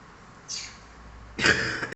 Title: My cute Indian talking parrot is sneezing 🤧